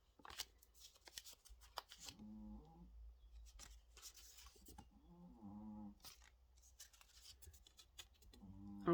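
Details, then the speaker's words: A pet dog snoring nearby: drawn-out, tonal, buzzing breaths every few seconds over crinkling paper and handling noises in a small room. "que vous entendez ronfler c'est mon chien c'est Yumi"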